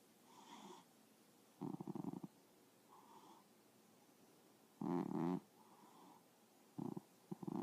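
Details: Duke sleeping and snoring: rough, low rattling snore bursts recurring irregularly between quiet stretches, with soft purring breaths in between; snoring.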